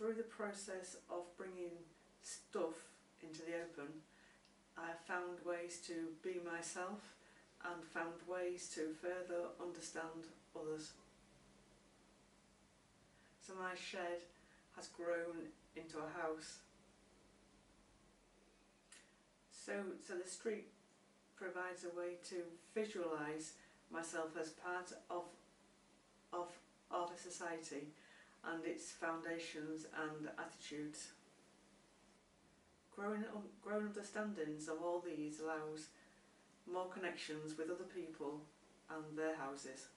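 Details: Adult woman who stammers, with an identical twin who also stammers, and a former speech and language therapy client; word repetitions ('I I I'); stammering.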